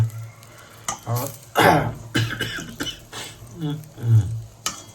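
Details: A few harsh cough bursts and throat clearing over kitchen sizzling, from a person who says they are unwell with a cold, fever and cough.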